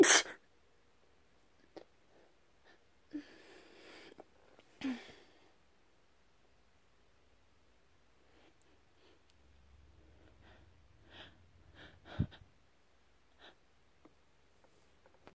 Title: A few Induced sneezes.